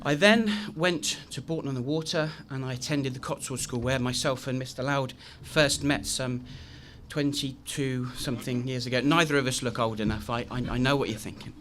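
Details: Adult man with a very chronic stammer since age three, now managed with the McGuire programme (costal breathing technique); repetitions such as 'I I I'; stuttering.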